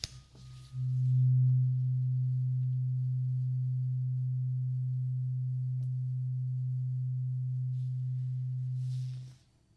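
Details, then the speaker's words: Acted ASMR ear-exam roleplay, first of three tuning forks of different frequencies, listener asked to say when the sound stops: struck fork gives a steady low pure hum lasting about eight seconds, then fades. "I have 3 different tuning forks, and each of them have a different frequency. So I just want you to tell me when the sound stops, okay?"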